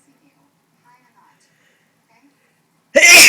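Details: Person sneezing after a shower taken to clear the nose, following a small sneezing fit: near silence, then one sudden loud sneeze burst at the end.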